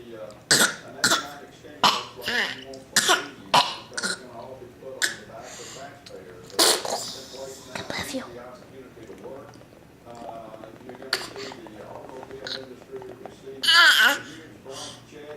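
Repeated short harsh throat-clearing and cough-like bursts, roughly eight to ten, with quieter voiced sounds between; ordinary throat clearing.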